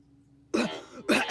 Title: *intense coughing*